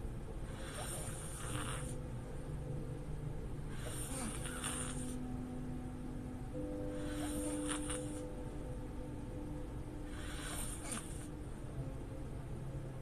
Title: Sleep stream girl snoring || Open mouth snoring || loud snoring